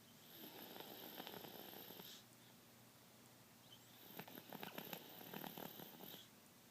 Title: snoring